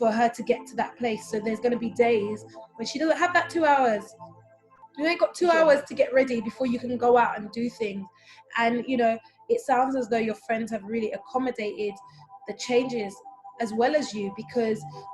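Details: Adult woman speaking; typical speech.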